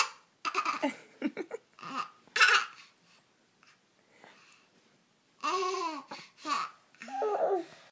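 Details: An infant giggling and babbling, with short, abrupt catch-like hiccup sounds mixed into the laughter; hiccups.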